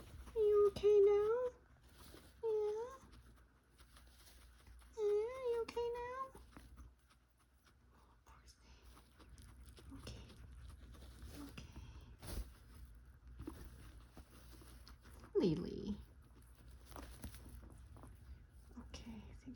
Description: Guinea Pig hooting, respiratory blockage, always clears with a cough.